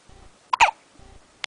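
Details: Hiccups: a single sharp, abrupt gulping catch with a brief voiced burst.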